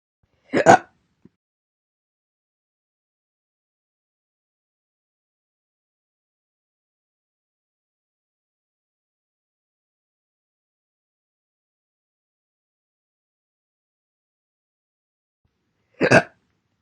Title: All Slow Hiccups Part 1 (Updated)